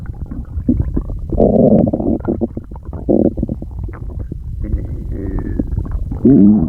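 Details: Stomach growling (borborygmi) that the person says they can't get under control.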